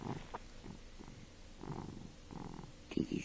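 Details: A sleeping pet snoring in a quiet room: soft, low, rattly breathing noises repeating through the clip; snoring.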